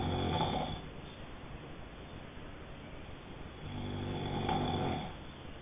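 Two long, low rattling snores on breathing in, a few seconds apart, with quiet breathing between; snoring during sleep.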